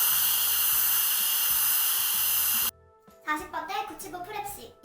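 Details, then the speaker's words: Steady high-pitched hiss and whine of dental suction and drill during upper right posterior tooth preparation, saliva ejector distal to tooth 47 and metal high-volume tip buccal, then stops as soft talk follows. "살리바 팁을 47번 디지털 쪽으로 두고 메탈 팁을 버컬 쪽 10번대 버컬 쪽으로 하면서 에어 로저를 다 흡입하도록 합니다"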